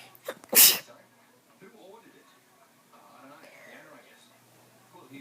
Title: Sneeze!!!